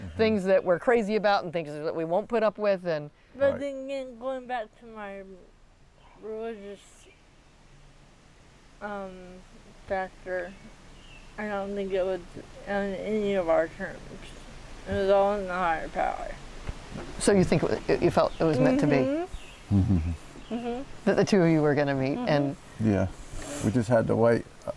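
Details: 40-year-old woman with athetoid cerebral palsy, GMFCS level 3/4, moderate to severe quadriplegia, uses walker and power wheelchair; speech may be hard to understand; dysarthria (athetoid cerebral palsy).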